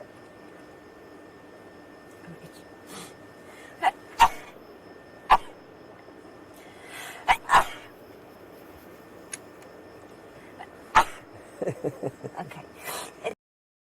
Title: girls sneezing rapidly. #10.|| rapid sneeze.